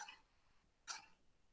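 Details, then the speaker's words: Pigs with swine influenza, standing still: two short, harsh, dry coughs, the classic frequent dry cough of swine influenza within porcine respiratory complex. "ahí vemos un caso clásico de de influenza porcina tos seca frecuente ahí vemos los animales en animales que no se mueven entonces es esa tos"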